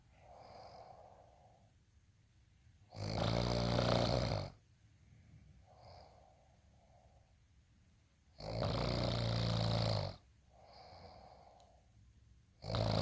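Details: Heavy snoring during sleep: loud rattling snores on each in-breath with quieter out-breaths between, about every five seconds.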